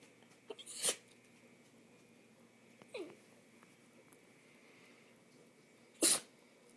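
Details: Small whiny dachshund during allergy season, described as having a sneezing problem: three sharp sneezes with a brief whine between them.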